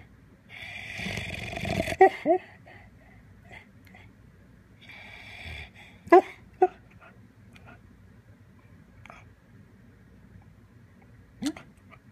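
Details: Adult pit bull dog snoring like a seal: honking, rattling snores with sharp snorts between them and a seal-like bark quality.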